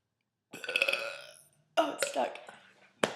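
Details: Deliberate burping during a break from homework and essays: two voiced, gurgling belches in quick succession with a brief third burst at the end; ordinary burping.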